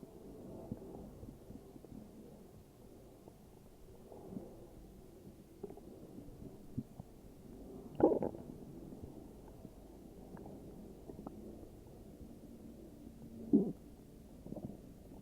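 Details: Morning stomach growls: quiet rumbling and gurgling with a few louder irregular growls; ordinary borborygmi.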